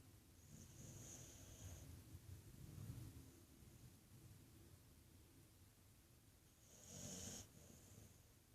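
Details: Sleeping female dog snoring like a human: soft, low rumbling snores with a faint high nasal whistle on a couple of breaths.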